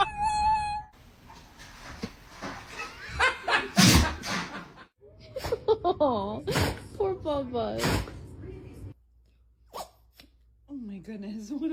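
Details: A dog gives sharp bursts of sneezing ("big sneeze") while people talk and laugh in the background; dog sneezing.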